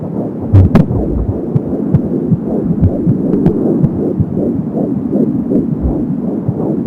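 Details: Fetal heart sounds at 14 weeks of pregnancy on an Angel Sound home Doppler: rapid, regular whooshing heartbeat at 170 beats per minute with umbilical cord swishing sounds.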